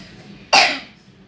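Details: A single sharp cough from a child with a cough who wants to take cough medicine, a sudden burst that fades over about a quarter second.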